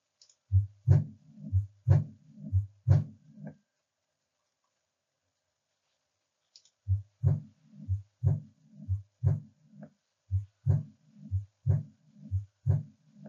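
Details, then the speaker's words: Aortic regurgitation murmur at the left sternal border, patient breathing out and holding breath, diaphragm with firm pressure: a blowing decrescendo diastolic sound after the second heart sound, holodiastolic when severe; regular heartbeat about 60/min. "you may hear a blowing de Crescendo murmur and in severe aortic uh insufficiency or aortic regurgitation it can be a whole holistic diastolic murmur that radiates all along the left sternal border"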